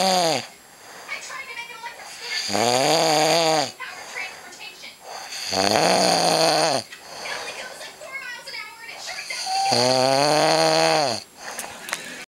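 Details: Person snoring: loud, drawn-out groaning snores about every three to four seconds, with noisy gaps between them; heavy snoring.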